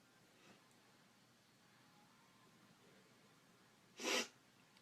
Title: Induced sneezing in bed